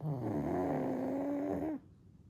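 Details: 1-year-old pug snoring softly during a daytime nap, falling back asleep: one long, droning, slightly whistling snore on a single breath, then quiet.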